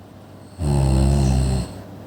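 One loud, low, rattling snore lasting about a second, heard against quiet room noise.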